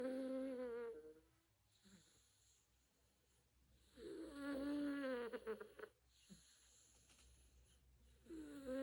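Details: Snoring from a sleeping cat: buzzing, droning snores recurring every few seconds with quiet breaths between them.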